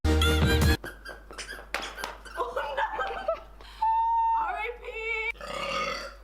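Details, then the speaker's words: A woman burping in a compilation of her burps: a loud, low, rumbling burp, then brief voiced sounds and a short vocal squeal; she apologizes for burping in every video. "oh my god I apologize can I not go a video without burping solid"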